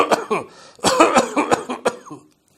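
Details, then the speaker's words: Doctor's imitation of an asthma-type cough from an irritant in the medium-sized airways: a relatively deep breath, then a run of two or three bouts of strong, sharp coughs. "if the irritant focus is higher up in the medium-sized Airways for example patients of a stoma the COFF is a little different the patient takes a relatively deep breath and gives two or three bouts of strong coughs like this"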